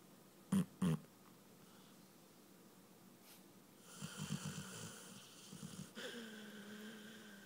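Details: Sleeping dog: quiet, irregular snuffling breaths with two short snorts and a soft whistling exhale; light snoring.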